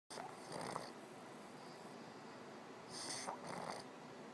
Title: snoring